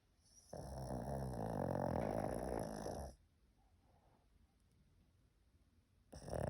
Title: Pug sleeping and snoring 💤 no mute 🐄 храпит как дед 😂